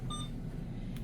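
A short electronic beep over low room hum: an infusion pump's keypad tone on channel selection, a normal device sound.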